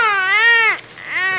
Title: First cry of baby after 2 days in nursing room